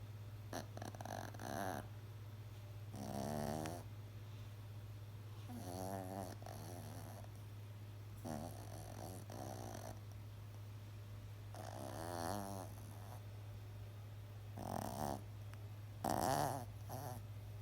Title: My dogs snores like an old man!! She’s like 12 lbs!!